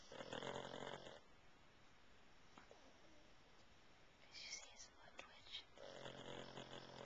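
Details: Pug napping on a person: loud, rattling, slightly whistling snores on the in-breaths, with soft snuffling between them; snoring.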